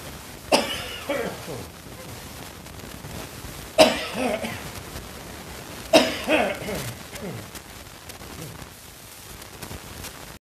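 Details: Three dry, throaty cough bouts, each a sharp burst followed by a few weaker rasping coughs; dry cough that the person says usually precedes their first cold of the season.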